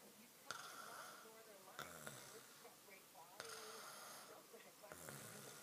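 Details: Sleeping man snoring: rough, rattling snores with some whistling, repeating every second or so over a hissy background.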